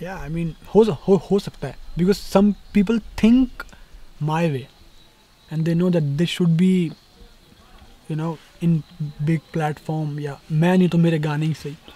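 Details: Conversational Hindi from a young adult male rapper who says he stammers when he talks, more so when speaking Hindi; stuttering.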